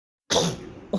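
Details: Baby girl sneezing: a single abrupt burst of air with a hissing spray, fading quickly, then a brief small vocal sound.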